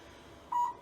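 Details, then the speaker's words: Single short steady electronic beep from a low-level laser therapy device used on a patient's lumbar area for low back pain, skin prepped with an alcohol pad. "I'm gonna go over to Laser over here I'm going to use now once you see is how powerful this laser is"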